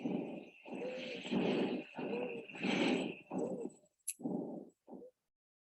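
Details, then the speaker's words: Exam audio exhibit of rapid breath sounds, each with a high musical whistle, interpreted as suggesting asthma or COPD: wheezing. "Ooh, okay, now that sounds like a whistle for sure."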